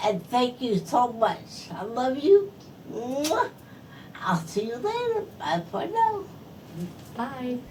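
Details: Adult woman stroke survivor whose speech is affected by her stroke; post-stroke speech impairment.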